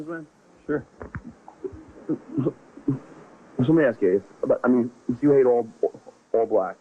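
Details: Stuttering in an adult man who has stuttered since second grade, with part-word and word repetitions, heard while interviewing someone.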